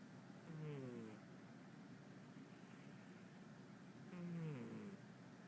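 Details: Two soft, tonal snores about four seconds apart from a sleeping pet, over a steady low room or traffic rumble: snoring.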